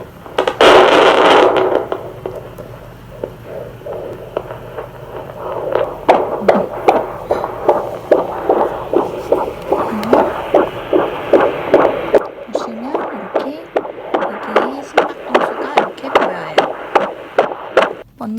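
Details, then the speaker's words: Handheld fetal Doppler with ultrasound gel on the lower abdomen in a delivery room, used for pregnancies of 28 weeks or less: rapid, regular whooshing pulses at roughly 150 a minute; normal fetal heart sounds. "도플러의 경우에는 임신 주수가 작을 때 아기 태아 심음 소리를 듣는 데 사용되고 보통 28주 이하 아가 심음을 들을 때 사용해요."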